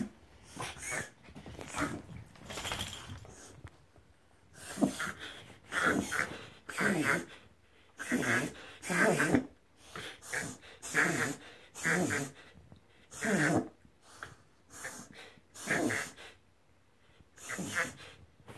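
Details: A whippet makes repeated harsh snorting inhalations; a veterinarian reviewed the recording and confirmed it was a reverse sneeze, not harmful to his health. Reverse sneezing.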